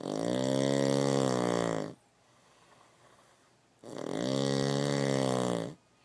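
Two long, loud, rumbling snores about two seconds each, separated by a quiet pause; ordinary loud snoring.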